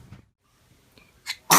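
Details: Baby sneezing: a brief quiet intake, then a sharp, high burst at the end; a small infant sneeze, a normal reflex.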